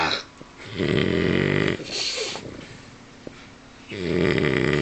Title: Rocky,my french bulldog snoring like a man